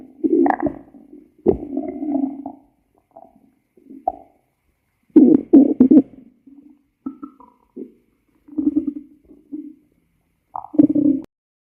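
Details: Irregular gurgling and croaking rumbles in short bursts; stomach growling (borborygmi).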